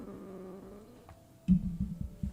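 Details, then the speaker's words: Adult woman's stomach growling from hunger (only toast eaten that day), mic held to stomach: a squeaky, wavering gurgle followed by deep, rolling rumbles of borborygmi. "Oh, my tummy just grumbled. I don't know if you guys heard that."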